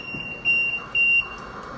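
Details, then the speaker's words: LTV ventilator high-pressure alarm: repeated high-pitched electronic beeps signalling airway pressure above its set limit, demonstrated in a ventilator tutorial for nurses. "Probably the second most common alarm you're going to get is the high pressure alarm, and that's going to be You have your low peak also,"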